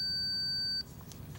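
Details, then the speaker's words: Single steady high-pitched beep under a second: the completion signal of an electronic thermometer taking a rectal temperature in a female patient, with the probe inserted 1.5 inches; the reading was 99.6. "When the completion signal sounds and the digital display shows the patient's temperature, remove the probe."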